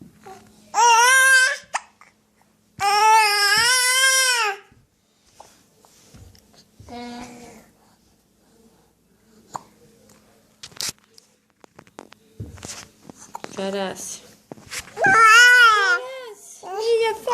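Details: Two babies babbling and squealing loudly, with brief sharp hiccup-like sounds in the quieter stretches between; hiccups.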